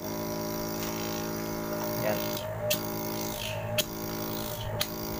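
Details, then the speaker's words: Rose Max nebulizer compressor running after repair of a worn, flipped gasket, airflow now strong: steady humming motor drone with a few clicks. "Yan. Malakas na 'yung hangin niya mga boss. 'Yun lang pala ang problema. Gasket lang."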